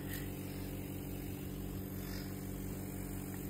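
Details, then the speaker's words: Nebulizer compressor running, a steady low mechanical hum with a fast regular buzz, during a 15-minute treatment with two medicines to loosen phlegm in the lungs; a child plays with it as a hair dryer. "ఇది hair డ్రైయరా? Nebuliser వచ్చి hair dryer అంట."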